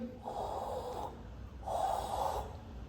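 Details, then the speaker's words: Vocal imitation of a holosystolic murmur in a valvular disease lecture: two long blowing whooshes hiding the first and second heart sounds; lecturer notes holosystolic usually means advanced disease. "El soplo va a ser o lo sistólico o mesosistólico. Holo sistólico que ustedes van a escuchar y"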